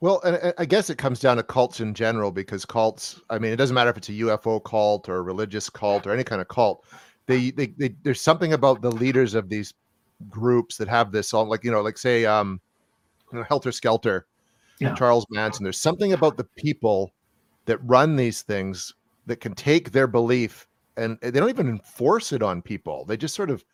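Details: Adult man; normal speech.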